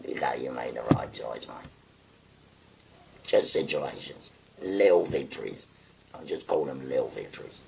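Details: 57-year-old man with a voice valve (voice prosthesis) after total laryngectomy for stage four laryngeal cancer, pressing a button to occlude his neck stoma; tracheoesophageal speech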